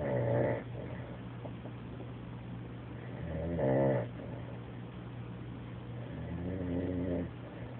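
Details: Adult friend passed out asleep on a couch, snoring loudly like a freight train; low, rough, rattling breaths at about 18 per minute over steady room hum.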